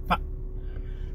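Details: 27-year-old man with Tourette syndrome who reports more verbal than motor tics; sudden vocal tic between phrases.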